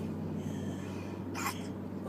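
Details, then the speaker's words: A single short, sharp catch of breath over a steady low room hum from a young child with hiccups. "you got the hiccups shall we every time he hiccups he's so sorry"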